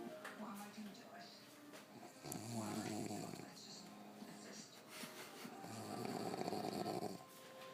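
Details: Person snoring: two rough snoring breaths over a noisy room background with faint voices.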